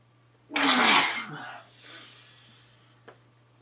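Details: Adult man sneezing messily into his hands: one loud, wet explosive sneeze fading into a breathy tail, then a faint click; single sneeze.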